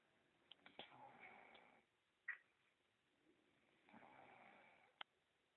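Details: Soft snoring in sleep: two quiet, rough, snore-like breaths about three seconds apart with a few faint clicks.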